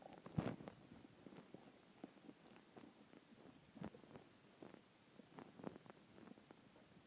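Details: Skipped lunch; soft, irregular low gurgles and rumbles in a quiet room: hunger stomach growling (borborygmi).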